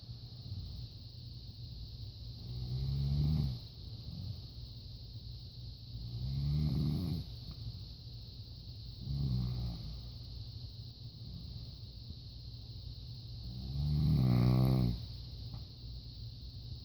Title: Wife snoring